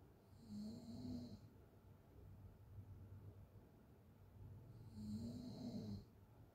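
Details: Open-mouth snoring during sleep: two rough, rattling snores on breathing in, with quiet breathing between.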